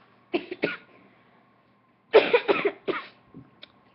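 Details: Two bursts of harsh coughing, about six coughs in all, separated by a pause in a quiet room; an ordinary repeated cough.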